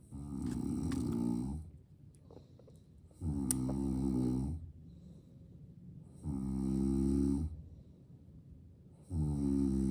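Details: Father snoring while asleep with a baby beside him: deep, buzzing snores in a steady rhythm, about one every three seconds, with softer breathing noise between them.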